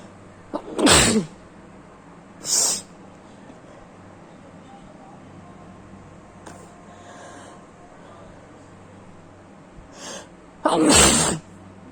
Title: sneezing attack